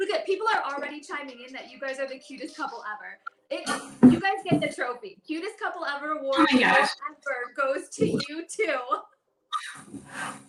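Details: Adult woman speaking; ordinary speech.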